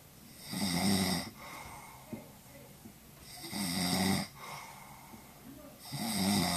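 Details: Snoring, recorded with a Flip Video camera: loud, rough snores on each inhalation, about 20 a minute, with quieter breathing between.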